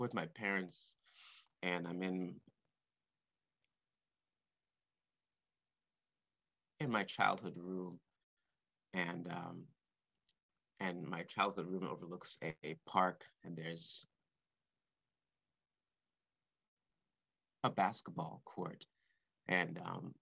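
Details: Stuttering since about age four or five in an adult male composer, described by him as blocks and repetitions, heard while he speaks live.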